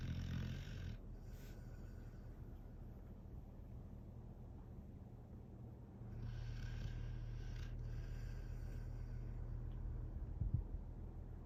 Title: いびき snoring dog #shorts #tiktok #funny